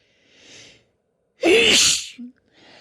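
Quiet breathy inhale, then one strong voiced sneeze with a brief sound after, part of a sneezing fit.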